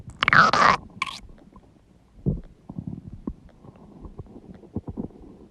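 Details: Huge stomach growling noises; borborygmi (bowel sounds).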